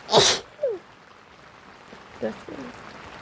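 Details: Person sick with a cold recording rain sounds: a loud explosive sneeze, then quieter muttered sounds and a softer second burst, with rain faintly in the background; sneezing.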